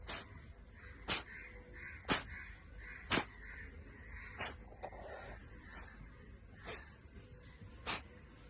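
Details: Cat with a chronic cold cough gives about eight short, sharp hacking coughs, roughly one a second.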